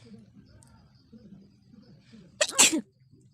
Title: Nose sneezing and blowing Lifestyle #funny video #bengali